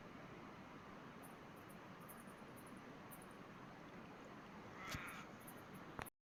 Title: platypus sneezing